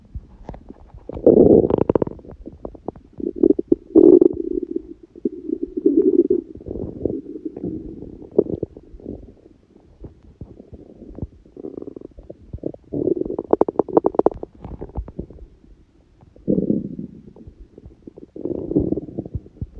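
Gurgling, rumbling bowel sounds in repeated bursts, ordinary hunger borborygmi from an empty stomach.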